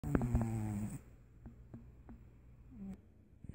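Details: Snoring from a sleeping animal: a low, buzzing snore followed by soft breathing with faint snorts.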